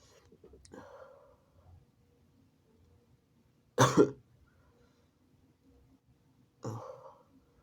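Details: Person (he/they) holding back induced, very wet sneezes: three sudden bursts in a quiet room, first stifled, then a loud wet explosive one, then a partly held one.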